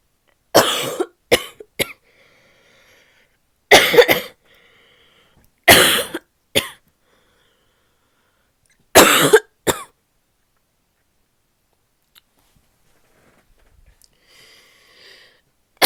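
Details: Barking cough: four harsh, explosive coughing bouts, each a loud cough followed by one or two smaller ones, with quiet breaths between; a barky coughing fit.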